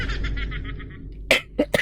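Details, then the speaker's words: Three sharp, forceful coughs in quick succession from an adult speaker apologizing that the cough still hasn't healed despite taking ginger; cough. "Pasensya na ako kayo sa ubo ko, hindi pa rin gumagaling. May luya na nga ako dito."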